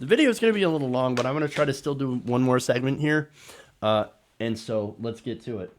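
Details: Adult man speaking; typical adult speech.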